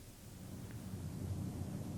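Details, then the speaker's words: Transmitted voice sounds during auscultation of the posterior thorax with the stethoscope diaphragm: patient says "99" twice, normal vocal resonance, as a demonstration test used when bronchial or bronchovascular breath sounds are heard where they should not be. "if you hear bronchial or bronchovascular breath sounds where they should not be listen for transmitted voice sounds now I want to say 99 please while osculating the chest ask the patient to say 99"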